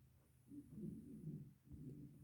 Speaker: I really hope you can hear my cat snoring because it's really funny.